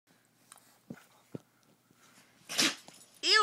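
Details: A dog gives a few soft sniffing clicks, then one sharp, hissing sneeze.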